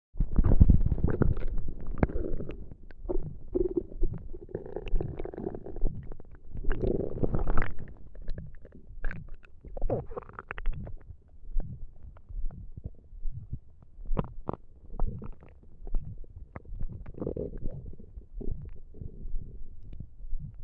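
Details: Stomach noises while trying to sleep on an empty tummy: low gurgling and rumbling bowel sounds with irregular bubbly bursts, hunger borborygmi.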